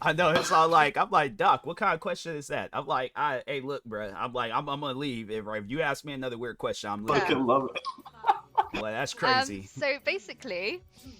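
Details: Adult male speaker; normal speech.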